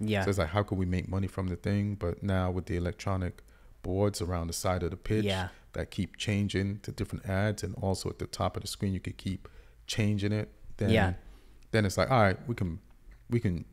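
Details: Adult male speaker; typical speech.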